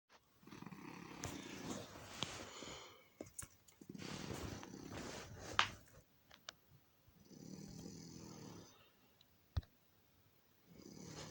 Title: Here's footage of my cat snoring for a minute